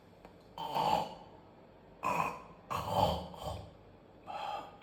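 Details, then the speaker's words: Oral and maxillofacial surgeon imitating obstructive sleep apnea: sudden loud gasping, snorting breaths after quiet pauses, as the brain wakes the sleeper when airway obstruction lasts over 10 seconds; arousal gasp after obstructive apnea. "oh when this happens our brain gets the signal that there isn't enough air going in through the airway so it wakes you up and I'll show you how"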